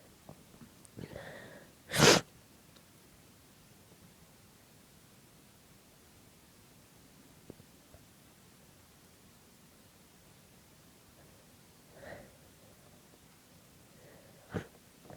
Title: Quiet Stifled Sneezes